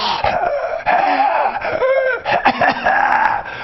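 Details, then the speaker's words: Stridor in a USMLE respiratory-exam teaching demonstration: a high-pitched sound likened to being suffocated or strangled, audible without a stethoscope, and linked to epiglottitis in children. "It's stridor. Stridor sounds like you're being suffocated to death. That's what stridor sounds like."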